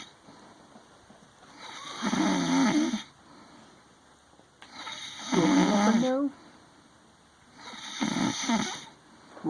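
Three loud, rough, rattling breaths about 3 seconds apart, roughly 19 a minute, with quiet pauses between: snoring.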